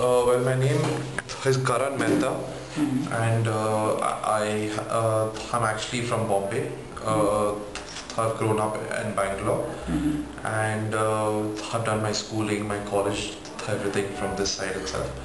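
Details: 24-year-old man who stammers, recorded before stammering therapy. Stuttering.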